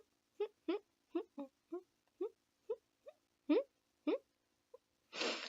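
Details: Humming vocal tic in a woman with a Tourette-like tic disorder; her tics usually suppress around her kids but did not that day: vocal tics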